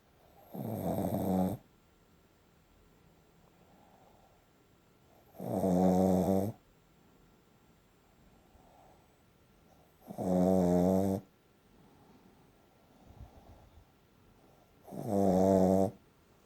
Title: Very Loud Snoring Shih-tzu